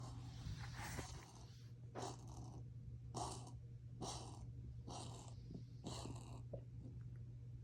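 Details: Cat named Max, filmed to show the vet: six harsh, hissing breath bursts about once a second in a wheezing and coughing fit.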